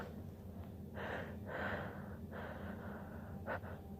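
Rapid, repeated snorting inhalations in short bursts, a reverse-sneeze episode.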